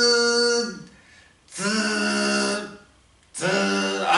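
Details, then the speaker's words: An adult man vocally imitates the tinnitus he recorded on 15 December 2012: ringing in one ear like a scanning buzz ("zi") that passes slightly over the midline and echoes back, voiced as three sustained buzzing hums; tinnitus, vocal imitation. "我临拍我的耳鸣的时刻，我耳鸣是什么一个样子呢？就像一个扫描员的，滋到中线偏过一点点，又回响了，滋。"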